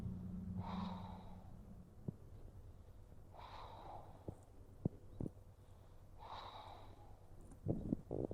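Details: Slow, noisy snorting breaths about every three seconds, roughly 20 a minute, with a few soft clicks, from a resting pug; snorting breathing rather than true snoring.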